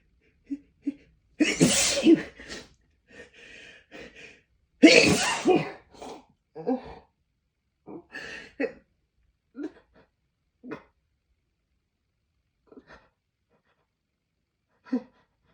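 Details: Two forceful, explosive sneezes, each preceded by a sharp inhaled gasp, then short sniffs and breaths; they came during attempts to hold back sneezes by pinching the nose, which caused dizziness.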